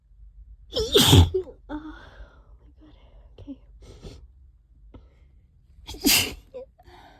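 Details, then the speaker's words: Two forceful sneezes about five seconds apart, with soft breathing and murmuring between; a prolonged bout of allergic sneezing triggered by cleaning the trap. "Can't stop sneezing. Oh, that was so loud. This always happens whenever whenever I clean the trap. It makes me so sneezy."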